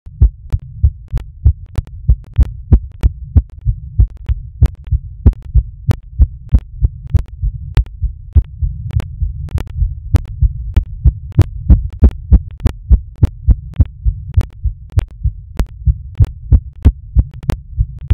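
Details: Fast, steady heartbeat thumps over a low constant hum, recorded during masturbation: a rapid heartbeat.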